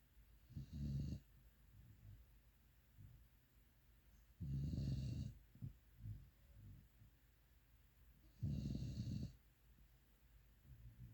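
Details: Pitbull sleeping: three low rumbling snores on in-breaths, spaced about four seconds apart, with quiet breathing between, about 15 breaths a minute; dog snoring.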